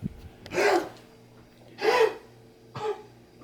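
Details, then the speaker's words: A dog, Charlie, gives three harsh, forceful hacking, gagging coughing bursts, as if about to vomit but not, after coughing all day; owner says it's kennel cough. "It sounds like he's gonna throw up, but he's been doing that all day and he hasn't. And it's just kennel cough."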